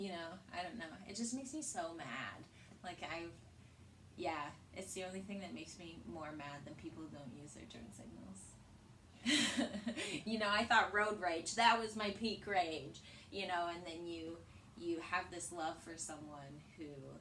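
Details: Adult woman; normal conversational speech.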